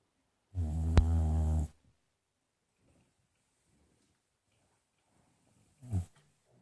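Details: Sleeping Boxer dog: one long, deep, rumbling snore, then quiet breathing and a shorter snort; loud snoring until she is petted and woken.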